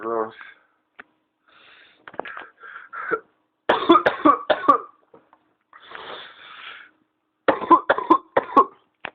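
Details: Adult with pertussis (whooping cough), ill about 2 weeks, tested and on medication, around 7am: paroxysmal runs of rapid, forceful coughs with noisy, strained gasping breaths between; fits recur about hourly.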